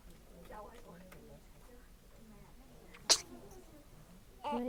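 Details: Two-day-old newborn baby, looking around and yawning, gives one brief, sharp sneeze after soft adult talk; a normal newborn sneeze.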